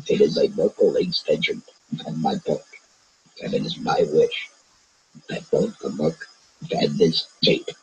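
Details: Self-taught esophageal speaker after total laryngectomy for laryngeal cancer, voicing by vibrating the esophageal sphincter; esophageal speech after laryngectomy.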